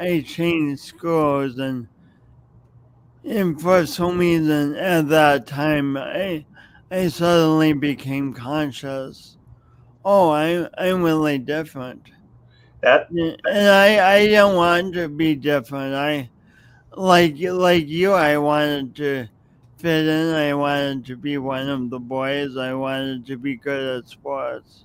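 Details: Adult with a speech impediment audible whenever they speak, plus motor coordination differences, no specific diagnosis named; speech impediment.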